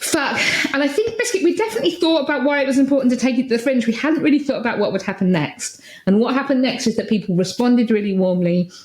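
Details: Woman with Tourette syndrome whose tics include the word 'biscuit' throughout her speech; Tourette syndrome vocal tics.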